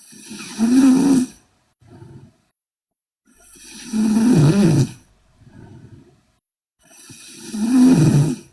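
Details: Sleeping Korean girl: loud, rough, rattling snores on each inspiration with quieter expirations, about 17 cycles a minute; heavy snoring.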